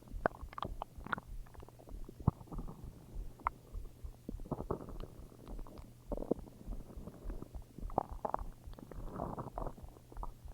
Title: Stomach growls